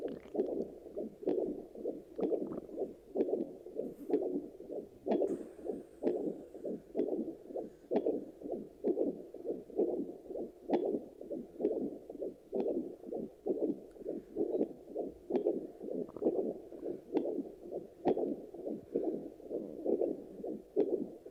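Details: Handheld fetal Doppler check after delivery: steady rhythmic whooshing pulses at a regular resting pace, a normal adult heartbeat.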